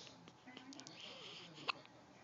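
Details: Young child with hiccups again, about the tenth time today, belly shaking: a single sharp, abrupt hiccup over quiet room noise; hiccups.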